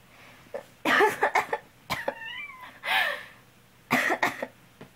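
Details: Adult owner with a cold coughing, a black cat meowing in response: two short bouts of harsh coughing in a quiet room.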